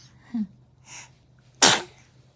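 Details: During play, an infant makes a small vocal sound and a soft breathy noise, then one sharp, bright burst of air: a single sneeze in a quiet room.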